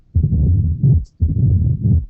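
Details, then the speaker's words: Mitral stenosis in sinus rhythm, best heard with the patient sitting and leaning forward: intense first sound, clean systole, opening snap after the second sound, then a low mid-diastolic rumble with presystolic accentuation (Duroziez rhythm). "El primer ruido cardíaco es intenso, la sístole es limpia, a menos que haya también insuficiencia de la válvula mitral o en el caso de la tricúspide, que haya insuficiencia de la válvula tricúspide. Después del segundo ruido cardíaco viene el chasquido de apertura aquí en la barra roja,"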